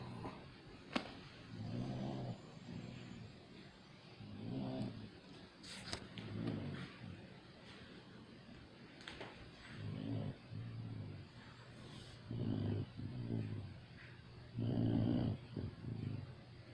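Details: Snoring in a sleeping Saint Bernard: low, rattling, somewhat irregular snores about 24 per minute, with faint room noise.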